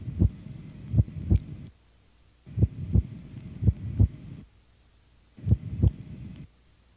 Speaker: One of the classic ways of examining the heart is listening to the sounds of the heart with a stethoscope. The beating of a diseased heart sounds different from that of a healthy heart, and is often accompanied by ambient noises.